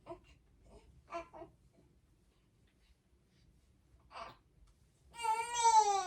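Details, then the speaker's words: Colicky 4-week-5-day-old baby girl crying at night after feeding and a diaper change: soft fussing builds into sustained high-pitched newborn crying. "I just changed her diaper. I thought she's done and she's gonna sleep, but no."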